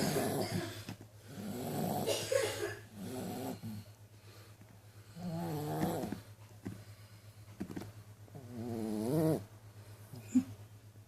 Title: Snoring dog very funny